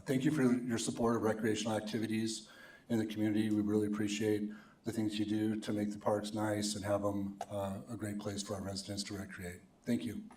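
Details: Adult male speaker; Normal adult speech.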